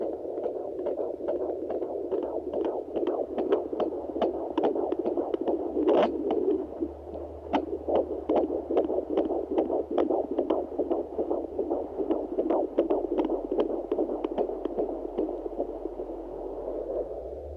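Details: Fetal heartbeat at 18 weeks 3 days pregnant on a Sonoline B Doppler: rapid, regular whooshing pulse about 150 beats a minute.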